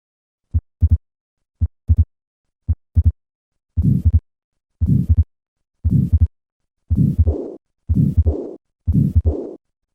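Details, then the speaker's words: Patient after surgical repair of tetralogy of Fallot, heart rate about 56 a minute: a harsh murmur after the first sound and a second murmur after the second sound, from pulmonary stenosis and regurgitation. "listen to the murmur of pulmonary stenosis and regurgitation in a patient status post-operative repair for tetralogy of hello"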